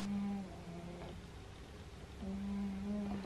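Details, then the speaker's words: Someone snoring while asleep in bed at 12:45 at night. "zoals je hoort ligt er al eentje heerlijk te snurken het is inmiddels hoe laat is het nou 12:45 en ik ga ook maar slapen"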